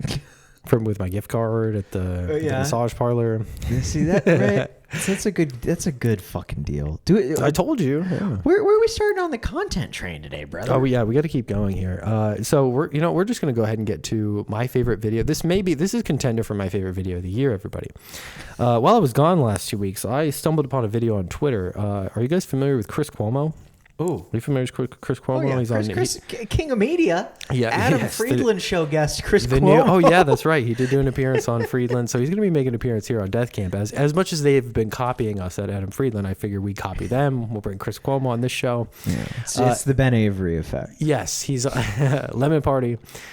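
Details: Adult male podcast host, with brief interjections from another speaker; normal speech.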